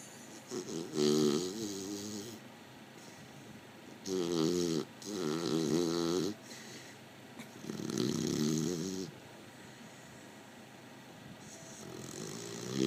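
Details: Loud rhythmic rattling snores on each breath, about four bursts with quiet gaps, in a quiet room; snoring.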